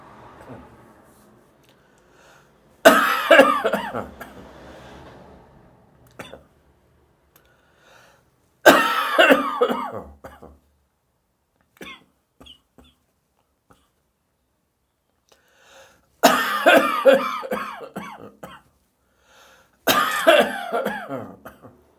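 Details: Dry morning cough the day after heavy beer drinking: four bouts of harsh, dry coughing with quiet pauses between them, no rattle or wheeze.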